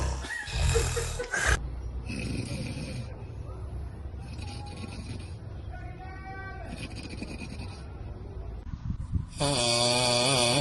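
Rough, rattling low breathing noises repeat through sleep, with some whistling, tonal stretches and a loud buzzing snort at the end: snoring.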